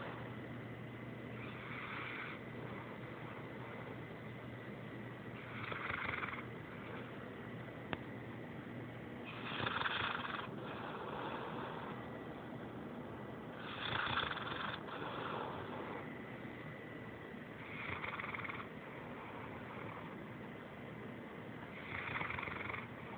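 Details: Sleeping Saint Bernard puppy snoring: soft, raspy snores at about 15 breaths a minute, with a steady room hum.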